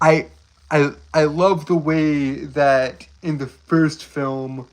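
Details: Stuttering in a male streamer who describes having a speech impediment, tripping over his words.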